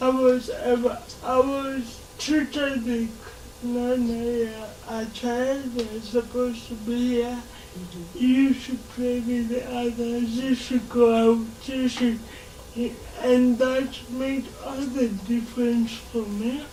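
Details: Dysarthria in a 26-year-old woman who has lived all her life with cerebral palsy and says she learned to talk much later than other children.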